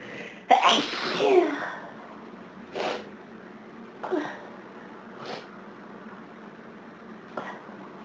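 One loud sneeze followed by several softer sneezes in quick succession, a sneezing fit typical of hay fever.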